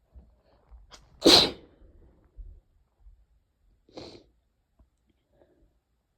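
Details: Short sneezing fit with a cold caught from a family member: one loud explosive sneeze, then a softer second sneeze and faint sniffles, with light coughing, in a quiet room.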